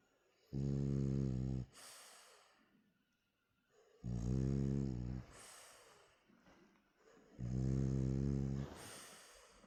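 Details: Real sound, no music: a sleepy French bulldog with half-open eyes snoring, deep buzzing snores on each in-breath, each followed by a hissing out-breath, about every three to four seconds, typical flat-faced dog snoring.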